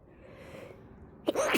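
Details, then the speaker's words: Sneezing fit after snorting a small amount of fresh chhinkni nasal snuff, first use in a while: a quiet drawn-in breath builds, then a sudden loud explosive sneeze; followed by a remark on how well it works despite using so little. "Oh my God, that stuff works so well. I'm not done yet either. Oh, you guys, I used so little."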